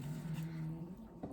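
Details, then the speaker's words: Female pet dog snoring in a quiet room: one low, steady droning rumble lasting about a second, then fading; snoring. "Can you hear my dog snoring? There she is."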